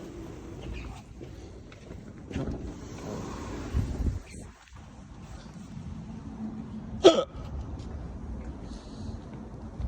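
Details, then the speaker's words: A man with repeated hiccups outdoors; a single sharp, abrupt hiccup stands out against traffic and street noise. Hiccups. "Man, I got mad hiccups. Mad hiccups."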